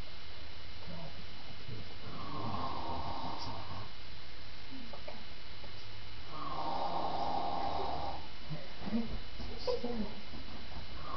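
Two drawn-out, buzzing snores a few seconds apart with soft snorts between, under a constant low hum; ordinary snoring.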